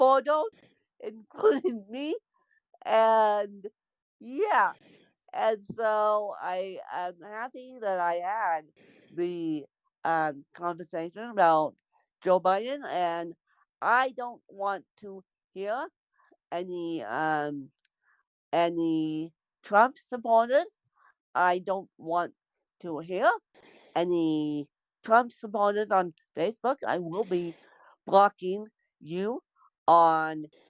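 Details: Adult woman born with cerebral palsy; dysarthria (cerebral palsy).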